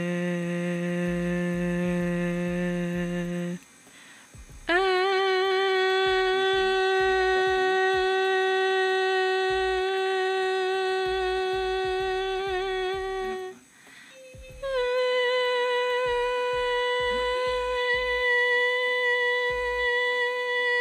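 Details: Normal phonation with good vocal fold approximation, the vocal folds meeting in the midline during phonation; normal voice.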